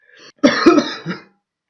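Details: Adult coughing while feeling unwell.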